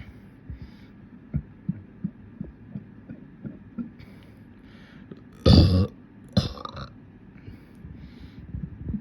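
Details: Person burping: two loud, deep, rumbling, bubbly burps in quick succession over soft background thumping. Belching.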